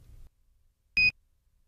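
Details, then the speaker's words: Philips HeartStart OnSite AED self-test finding the SMART Pads cartridge unusable: a single short high-pitched chirp as the ready light goes off, prompting cartridge replacement; training video. "the heart start on-site self tests also include testing the smart pad's cartridge if the self test indicates the cartridge is not suitable for use the heart start onsite will chirp the ready light will go off and the ey button will"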